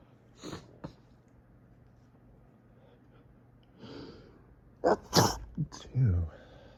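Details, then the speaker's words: Morning sneezing fit in bed from fall allergies, with an itchy, snuffly nose: soft lead-in breaths, then rapid, forceful sneezes in quick succession caught in tissues, with a window fan humming. "It's like each one just triggers the next. It's building. It's building up."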